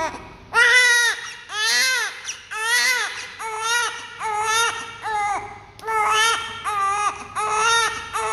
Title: Oxygen tube in his nose first crying 😭 and then relaxing newborn baby